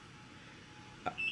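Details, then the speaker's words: IV infusion pump alarm in a mother after her third C-section birth at 37 weeks: quiet hospital room with a short electronic beep near the end, triggered by bending the arm with the IV while fluids still flow. "it's in my arm which is why you hear beeping because if I bend my arm too much it starts to be like I guess to inform the nurse that it might have stopped"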